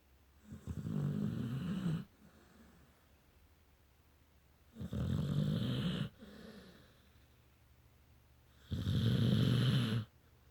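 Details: Sleeping female pet snoring: three loud, low, rumbling snores about four seconds apart, with softer breaths in between; ordinary snoring.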